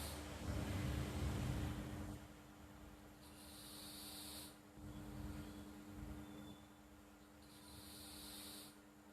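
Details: Pet cat sleeping and snoring lightly: soft, hissing breaths in a steady rhythm, with a low rumble at the start; snoring.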